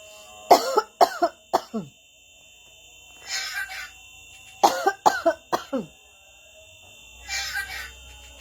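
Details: Pet lory (nuri) bird that coughs at any time, giving two runs of four quick, sharp coughs over a faint, steady background hum.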